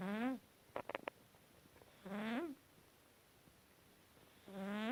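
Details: Cat snoring in sleep: three squeaky, whistling snores about two seconds apart, matching its breathing.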